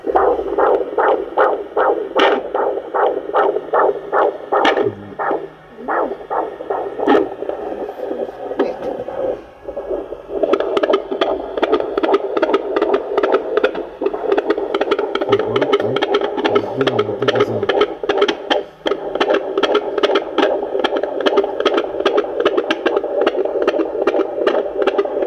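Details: Rapid, regular whooshing fetal heartbeat on Doppler, about 150 beats a minute, heard by expectant parents for the first time; pregnancy possibly around 24 weeks, with diabetes mentioned.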